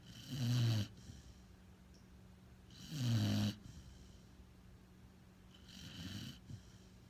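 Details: Sleeping Pitbull dog: three low, rattling snores a few seconds apart, about 23 a minute, over a faint steady hum; snoring.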